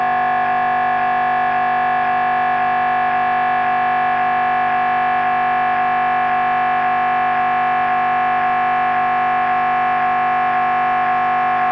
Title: MRI Brain Scan Sounds